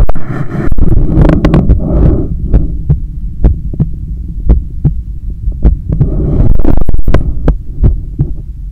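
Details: Own heartbeat recorded on waking in the morning: low, dull heartbeat thumps with bursts of rustling handling noise over a background hum.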